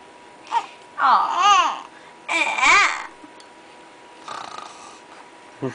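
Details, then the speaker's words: Newborn girl a few days old with hiccups gives two brief fussy, annoyed cries in a quiet room, faint steady background tone; infant cry. "she's annoyed I thinkno at her hiccup she can't even cry in peace"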